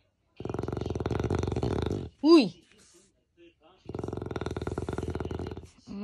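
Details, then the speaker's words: Loud, coarse fluttering snores from a sleeping pet Beagle, two long rattling breaths separated by a brief squeaky sound. "Stop it. Stop snoring so loud."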